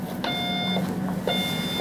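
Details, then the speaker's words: Electrosurgical generator (Force FX) return electrode monitoring (REM) alarm: two sustained electronic tones over machine hum, triggered while testing with an ESU-2400 analyzer in REM test mode, which read zero-ohm split-pad resistance as invalid. "and now we can see that the alarm is red saying that it doesn't like that resistance now for a split pad it can't have zero lumps so it knows that that's invalid"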